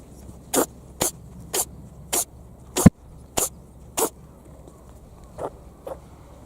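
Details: Wild rabbit on Ōkunoshima (Rabbit Island), Japan, sneezing, possibly from snuffles disease: a run of about nine short, sharp snorting bursts, the last two fainter.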